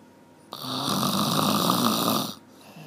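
A single long, rough, rattling snore on an in-breath, with quiet before and after: snoring.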